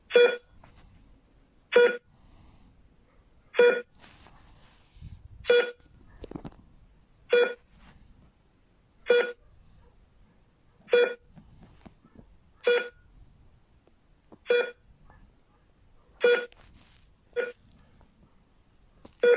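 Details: Hospital bedside heart rate monitor beeping steadily, single tones about 33 a minute, each marking a heartbeat.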